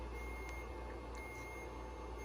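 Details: Therapeutic laser treatment, in roughly 15-minute sessions, for a Bichon Frise dog with a back disc injury at a veterinary hospital: faint high electronic beeps over a steady low hum; therapeutic laser beeping.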